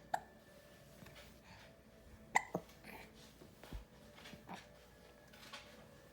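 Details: Hiccups: short, abrupt catching sounds recurring every couple of seconds against quiet room noise.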